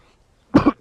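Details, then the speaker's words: Acted comedy cough from a man whose cough won't go away despite home remedies: repeated coughing. "घरचा काहीतरी उपचार कर की कशाचा काय उपचार केला तरी खोकला काय जाईना खोकला जाय नाय जायना"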